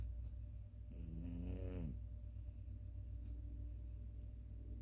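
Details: Sleeping cat gives a single whistling, tonal snore about a second long over a steady low background rumble; snoring.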